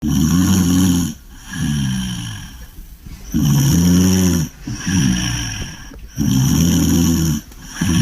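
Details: Sleeping English Bulldog snoring loudly with rumbling, throaty snores at about 20 breaths a minute, each long inward snore followed by a softer outward one; snoring in sleep.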